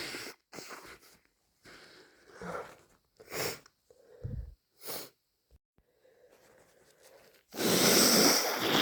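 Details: A person with a heavy cold and nasal congestion: wheezy, congested sniffs and catching breaths build up to a loud, wet, explosive sneeze.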